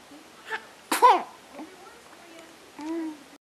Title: sneezing